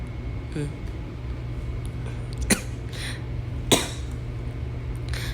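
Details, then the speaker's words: Two short, dry coughs over a steady room hum from an adult hospitalised with COVID-19 on day 11, coughing in the morning. The patient is allowed cough medicine by the nurse. "오늘은 아침에 기침이 좀 있어서 이 약을 먹겠다고 간호사님한테 허락을 받았는데"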